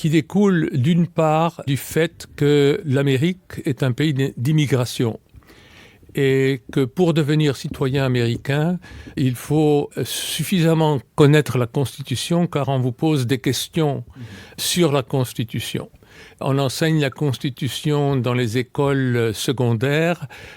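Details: Adult male speaker; typical voice.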